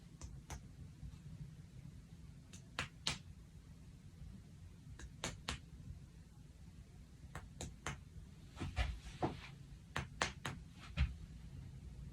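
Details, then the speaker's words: Chest percussion of an adult's lungs during a head-to-toe assessment, six spots zigzagging each side, after clear lung sounds: short hollow taps giving a normal resonant note. "So, that sounds nice and resonant. That's exactly what I wanted to hear."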